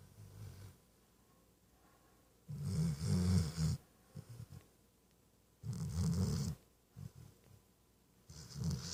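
Low rumbling snores on each breath, separated by quiet pauses; a sleeping puppy snoring.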